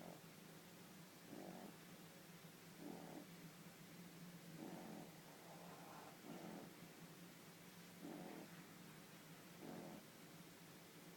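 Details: Snoring in a sleeping 12-week-old French Bulldog puppy: slow, regular low snoring breaths about every one and a half seconds.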